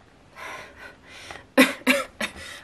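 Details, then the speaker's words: Adult with a head cold, blocked and runny nose: soft breathy sounds then three sharp coughs in quick succession; cough. "was about to just say I'm not that sick and then I started coughing"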